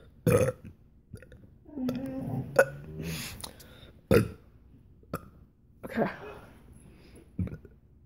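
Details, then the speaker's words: Several loud voiced belches with short pauses between them, some drawn out; repeated deliberate burping by a person. "people think its depressive people think it's pretty impressive that people could burp like that"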